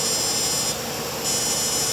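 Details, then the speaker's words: Fractional CO2 laser (Lumenis DeepFX) in operation: a continuous high buzzing hum with a brief dip in tone while scanning a lighter-skinned male patient's skin for texture, tone and acne scarring, at a stronger setting, after filler, TCA CROSS and subcision. "each of these little scans are going to cause little injuries and it's going to smoothen out his texture and improve his tone"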